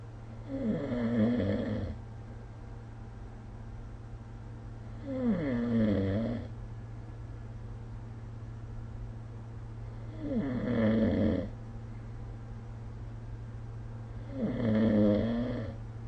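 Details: Snoring recorded with the SnoreLab smartphone app: four regular rumbling snores on breathing in, about fifteen breaths a minute, over a steady low room hum.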